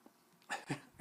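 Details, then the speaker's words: A brief two-part gurgling rumble from an adult man's stomach, ordinary borborygmi, heard during a live drawing lesson. "hope you didn't hear that. My stomach just made a noise. It was kind of a funny noise. Erp. Borborygmi."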